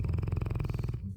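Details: A giant sleeping dog snoring: a loud, deep, rapidly fluttering snore as its loose lips flap with each breath.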